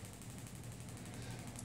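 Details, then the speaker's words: Gymna Shockmaster 300 shockwave at 2–2.5 bar, 12 Hz, 15 mm convex head, gel applied over the prominent bony overgrowth of Osgood-Schlatter disease below the patella in a mature knee with closed growth plates: rapid steady low mechanical tapping. "apply some gel to the area to be treated and then bring the shock wave onto the O good slats the Bon overgrowth at the end of the patella"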